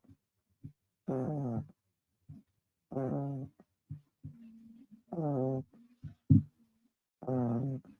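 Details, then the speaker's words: Pet snoring while asleep: short, buzzing, tonal snores about every two seconds, with faint snuffles between. "look where we are right now George is snoring and God listen listen"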